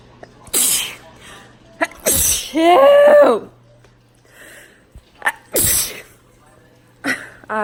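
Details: Three loud sneezes induced with a Q-tip, filmed up close, each after a quick in-breath, the first with a voiced trailing cry; repeated sneezing from a nasal tickle.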